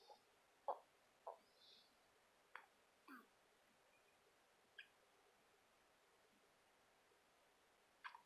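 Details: Little child with a bout of hiccups: soft, brief, sharp gulping sounds at irregular intervals, about seven in eight seconds, in a quiet room.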